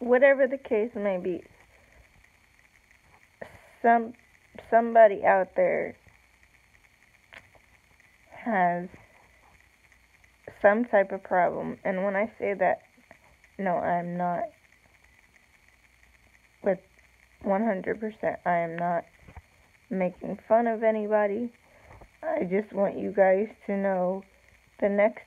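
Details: Speech of an adult woman with cerebral palsy, real; slow with long pauses, no specific speech disorder named.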